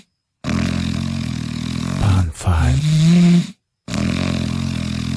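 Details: Loud, low, rattling breath sounds with a brief snort, in keeping with heavy snoring.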